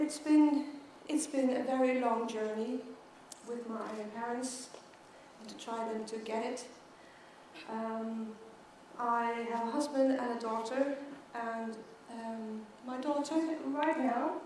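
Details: Stuttering in an adult woman who began stuttering at age 9, giving a keynote speech at a world congress for people who stutter.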